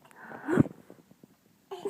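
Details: Young girl hiccuping while playing peekaboo: a single sudden voiced hiccup catch, followed by quiet.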